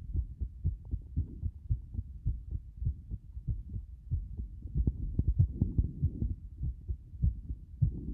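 Low heartbeat thumps at about 100 a minute with uneven spacing between beats, an irregular rhythm from frequent extra or skipped beats.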